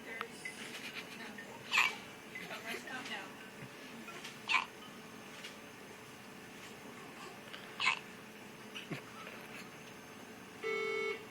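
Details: Newborn born July 28, 2013 weighing 4 lb 12.4 oz gives sharp, brief hiccups about every three seconds, roughly 20 a minute, with faint room noise.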